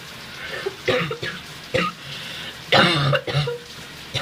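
Several wet coughs and throat clearing with hawking, over running shower water; a loose, productive cough.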